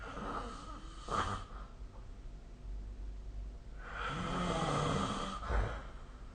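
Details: Snoring: two rough, low breathing noises a few seconds apart over a steady room hum, snoring during sleep.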